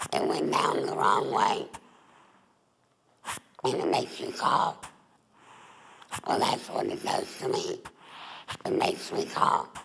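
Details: Adult woman, former smoker, with alaryngeal speech after total laryngectomy (larynx and voice box removed) for laryngeal cancer, breathing through a neck stoma.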